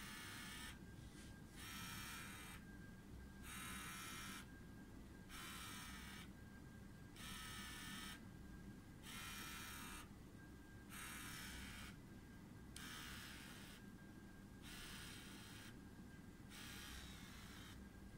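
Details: An XB-500 micro syringe pump whirs in regular pulses, about 32 a minute, over a steady thin tone in a quiet room; normal operation.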